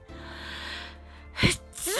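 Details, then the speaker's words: Single sharp sneeze from a person who says they sneeze every day, bursting out of a quiet room with soft music underneath. "i am still sneezing every day it's just that uh i don't have time to record them"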